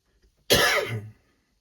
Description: Had an itchy throat so decided to see her reaction, first cough was ok but the second made her real nervous...